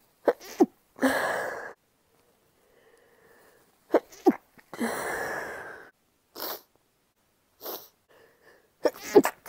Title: Induced sneezing- some stifled, wet, female